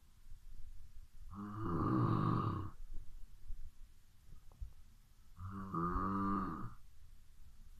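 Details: Heavy snoring at midnight: two loud, rattly, groaning snores about four seconds apart, with quiet breathing between.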